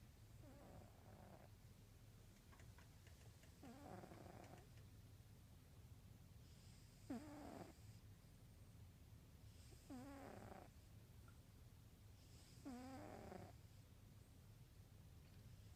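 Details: Elderly orange female cat, about 15–16 years old, diabetic on two units of insulin twice daily, sound asleep: soft, rhythmic snoring at about 21 breaths a minute, each breath a light fluttering rasp in a quiet room.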